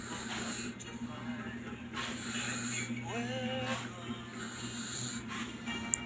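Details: Snoring from an 8-month-old infant: soft, noisy breathing bursts recurring about every 1.5–2 seconds with a brief whimper, over steady electrical hum.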